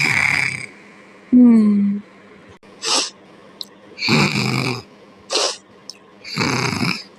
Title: Fraggle rock snoring and purring part 3